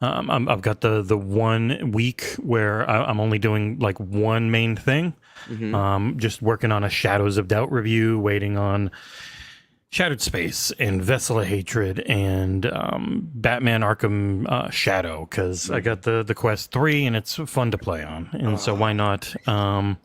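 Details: Adult male speaker; Normal conversational speech.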